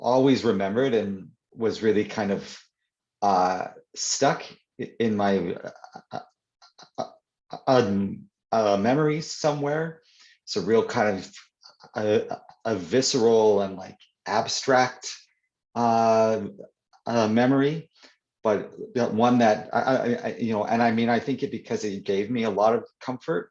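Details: Adult man who stutters (stammers), greeting a child in an audience Q&A; he says he stutters more when reading than in conversation; stuttering.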